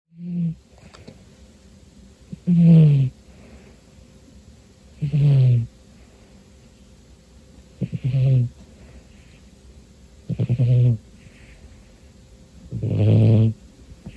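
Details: Cat Romeo in deep sleep on a New Year's Day afternoon, rhythmic buzzing snores about every two and a half seconds, roughly 23 a minute, in a quiet room; he snores most of the time when asleep, especially when very tired: snoring.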